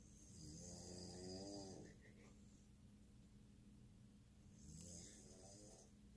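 Two long, rumbling snores on breathing in, about four seconds apart, with a steady hum in the background.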